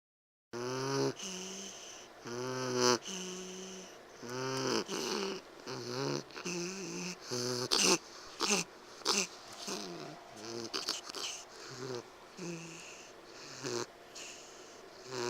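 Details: Loud, musical snoring wheeze with every breath from Bogey, a sleeping piglet about 10 weeks old and 13 lbs, worse awake; vet says he sounds like a bulldog, suspects upper airway obstruction (epiglottis, soft palate): stertor and wheeze.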